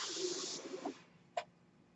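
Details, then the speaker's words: Noise of a speaker's mechanical ventilator running in the background while he talks. "hello everyone my name is that noise you're hearing is my ventilator and welcome to page turners they were not my stars broadcasters"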